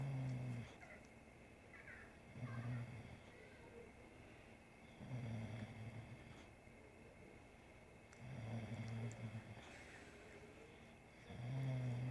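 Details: Sleeping bulldog snoring while a three-legged cat grooms it: loud, low, rumbling snores at about 22 breaths a minute, with quiet gaps between them.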